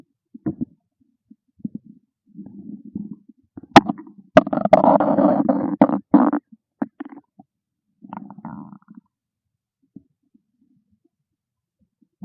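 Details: Loud gurgling rumbles with a long bubbling growl midway from a hungry stomach; borborygmi, a normal bowel sound.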